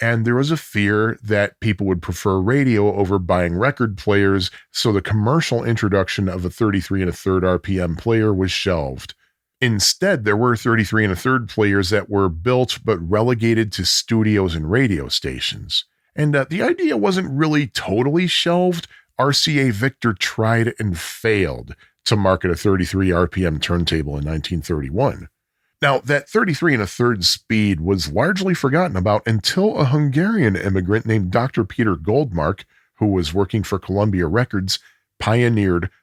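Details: Adult male narrator; normal speech.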